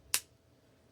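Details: Simulated audible release from a life-size L4-L5 spinal manipulation model without synovial fluid, using a simulated synovial fold. Rotational force gaps the facet joint, giving a single sharp crack: joint cracking (audible release).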